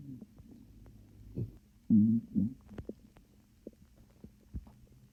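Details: Calm stomach growling that the person suspects comes from swallowing air: soft, low gurgling and rumbling with brief squelches; borborygmi.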